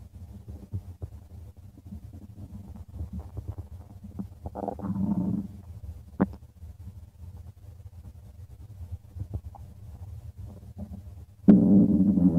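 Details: Stomach of a person: irregular gurgling and rumbling from the belly with a louder growl near the end, ordinary bowel sounds.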